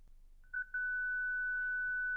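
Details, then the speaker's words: Short beeps, then a steady high continuous ready tone from a ZOLL Zenix defibrillator charged (apparently to 2 J) to test internal paddles before a simulated discharge. "Pour tester les palettes internes, chargez à de joues. Attendez la tonalité prêt."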